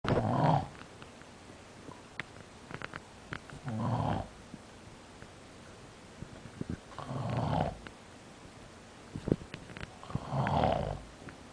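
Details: Four coarse, wet snoring breaths at about 17 per minute, with faint clicks and room noise between them; snoring.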